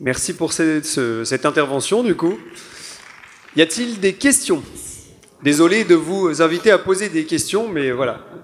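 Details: Adult male speaker; Normal speech.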